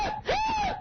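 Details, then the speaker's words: Woman with chronic intractable hiccups since June 2006, progressively worsening over 8 months: one loud hiccup with a sudden catch turning into a high, wailing vocal cry. "Back in June 2006, I started hiccuping. And then I got really overheated, and then they kind of collapsed. And ever since, they progressively have gotten worse."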